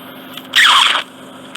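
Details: Ear of a male client nearly unable to hear from occluding wax and dead skin, after about 10 days of oil drops: half-second loud sucking hiss as endoscopic microsuction draws a long ribbon of dead skin and wax.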